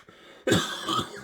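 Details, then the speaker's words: Adult cancer patient on chemotherapy, before the fourth round, with a lingering cough being tested (allergy blood tests): a single harsh cough burst with a short rough tail. "um so i said bring it on let's uh do some more tests and let's figure out what this cough is"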